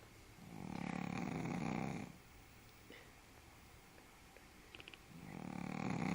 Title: Just a snoring doggy day lol omg